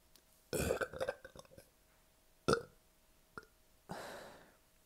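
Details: Burping after a double quarter pounder, large fries and a liter of soda, with a bloated belly: several loud, gurgling belches, a long drawn-out one at the end, in a quiet room.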